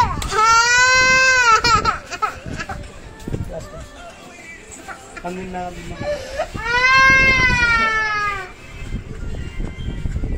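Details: Two long, loud, high-pitched cries from a little baby girl having her ears pierced, with whimpering between them and adult voices nearby; distressed infant crying in response to pain.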